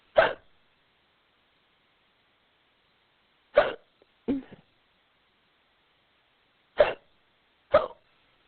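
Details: Woman playing a giant in an acted audio role-play, with a powerful case of hiccups she seems to have brought on on purpose; five short, abrupt gulping bursts at irregular intervals over about eight seconds, with silence between: hiccups.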